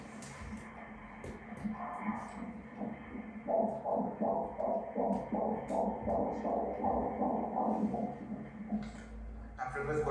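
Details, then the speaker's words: Rapid, regular whooshing pulses on ultrasound Doppler, 163 a minute: a normal, quick fetal heart rate in a baby described as "12 months" (likely 12 weeks), with a small cystic formation noted on the left side. "dá pr gente ver claramente o coração batendo e e e a velocidade que bate o som que faz ó"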